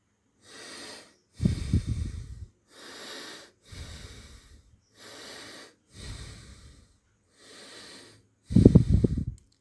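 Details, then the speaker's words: Normal breath sounds picked up by a DIY digital stethoscope (collar microphone plus filter circuit) held on the chest, soft and even with no added sounds; an AI model classifies the lungs as functioning properly. "can see in the model is quite accurately detecting that I'm having a proper not lungs functioning"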